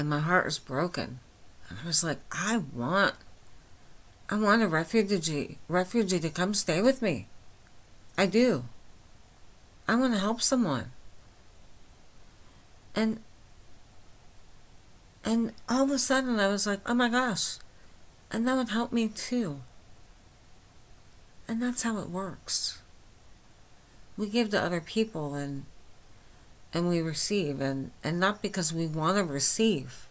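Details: Adult woman with myasthenia gravis since age 8, with talking and swallowing problems, speaking without her speech appliance, understandable but not perfectly: myasthenic dysarthria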